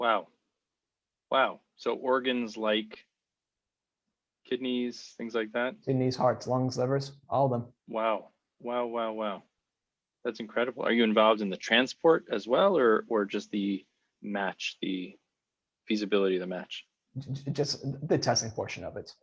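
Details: Adult male speaker; typical speech.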